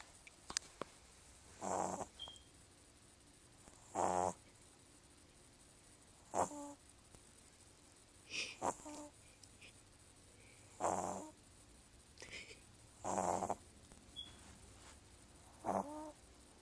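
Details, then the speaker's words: Sleeping puppy snoring; rough, rattling snores recur about every two seconds, around 26 a minute, over quiet room noise; snoring. "It sounds like a human. At least you don't even snore."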